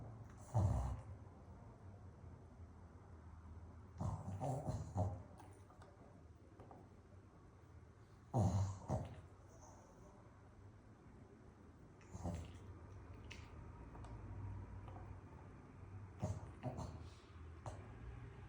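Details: Sleeping puppy snoring: short nasal snorts and snuffling snores every few seconds, about 8 a minute, with a faint room hum.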